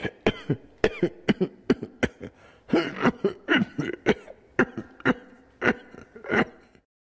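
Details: Adult man coughing repeatedly, a sound effect: a long run of about eighteen short, sharp coughs in quick succession, some rough like throat-clearing.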